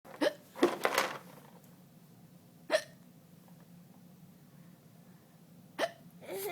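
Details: Several short, sharp, irregularly spaced hiccups over a quiet room background.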